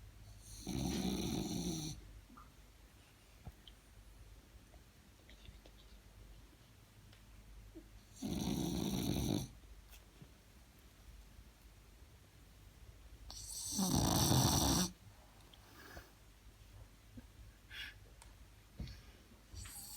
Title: French bulldog snore like a human